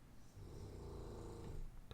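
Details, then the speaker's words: A single low, rumbling snore lasting over a second against faint room background, from a dog sleeping in a closet about seven feet from the microphone: snoring. "you hear that snoring he's actually about seven feet away from me in the closet"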